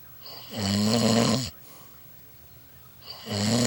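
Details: Snoring through the night: loud, harsh rumbling snores lasting about a second, separated by quiet breaths out; heavy snoring.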